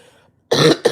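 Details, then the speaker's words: Woman sick with a cold, who also reports wheezing badly, coughs during a live stream. "I said, "I'm sick. Don't you hear it in me? I'm coughing. I'm coughing up cold.""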